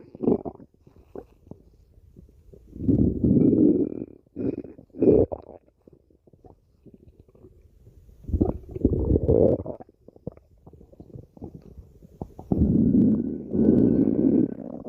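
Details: Stomach growling: low gurgling rumbles in several long waves, with quieter bubbling between; typical borborygmi.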